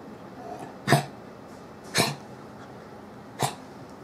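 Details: Three short, harsh coughs over four seconds from a 2-year-old, 6.8-kg male Italian Greyhound with prolonged cough, diagnosed with eosinophilic bronchopneumopathy after bronchoscopy showed tracheobronchial hyperemia and 30.8% eosinophils in lavage fluid.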